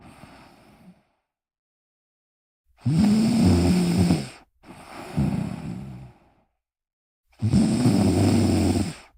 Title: Me Snoring whilst relaxing